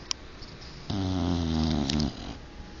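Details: 12-year-old English bulldog snoring with tongue rolling while asleep: one long, low, buzzing snore on an in-breath lasting about a second.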